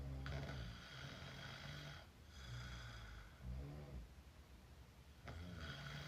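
Rough, rattling open-mouth snoring in repeated breaths, each inward snore followed by a breathy outward rush.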